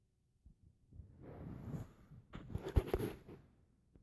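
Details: Small dog asleep, snoring loudly: two low, rough, fluttering breaths, the second louder with rattling pulses.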